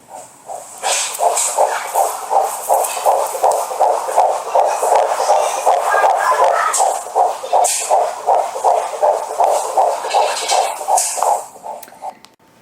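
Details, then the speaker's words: Handheld Doppler at a 12-week pregnancy midwife appointment; rapid, regular whooshing fetal heartbeat at about 160 a minute. "we kind of determined that right then it was worth using the Doppler just to have a quick sound and we were able to hear baby's heartbeat"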